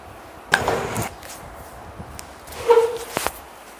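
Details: Full-body chiropractic spinal manipulation with the patient exhaling on instruction: a few sharp cracks and pops with low handling thuds; harmless joint cavitation.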